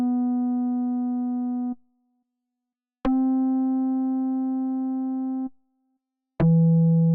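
Three steady, pure electronic tones of a couple of seconds each with silent gaps: test tones from a role-played hearing test, not a real exam.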